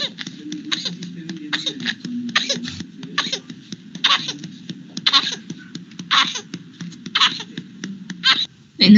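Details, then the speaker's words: Paroxysmal whooping cough (pertussis) attack in an infected infant: a rapid run of short, harsh coughs with barely a pause to breathe, then a louder strained burst. "aquí tenemos un audio muchachos vamos a ver si se puede escuchar de un niño infectado para que puedan ver cómo es ese status paroxística o esta tos ferina que es más pronunciada en lo que son los bebés"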